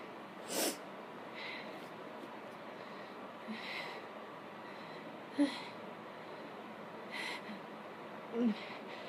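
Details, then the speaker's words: Sneezes deliberately triggered by sniffing pepper: about four to five sharp sneezing bursts with quieter breaths between, one described as messy. "so um I am sniffing pepper while trying to uh do some sneezes that one was kind of messy"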